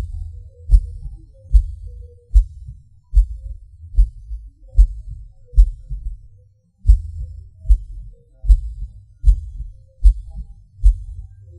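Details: Person's own recorded heartbeat, felt as pauses and hard beats like falling: low thudding beats near 75 a minute with uneven spacing and a clear pause, fitting PVC/PAC skipped and extra beats: irregular heartbeat with ectopic beats.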